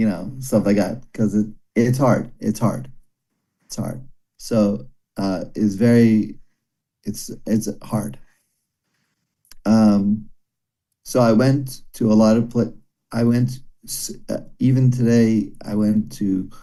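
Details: Broca's aphasia in a male former paramedic after a stroke during heart valve surgery about 17 years earlier. He could only say one word for the first year, still has daily speech therapy, and is improving slowly.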